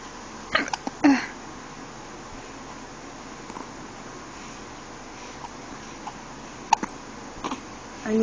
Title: Hiccups (1 month old)